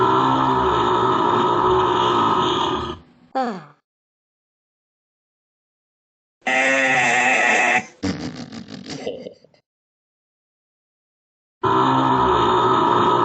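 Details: Deliberate, fake burping in a burping contest: long, loud, rumbling voiced belches, each lasting a few seconds, with silent gaps between them; burping.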